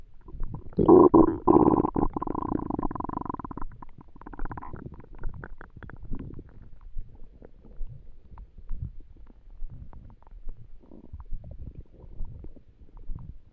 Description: My tummy was empty and it was hard to sleep.